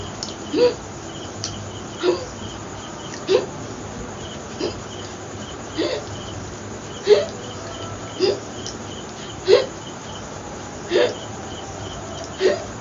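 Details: Ongoing bout of hiccups, short and sharp, repeating steadily about 10 in 13 seconds (roughly 45 a minute) over a quiet hum, during a long-duration hiccup challenge in a Bengali vlog.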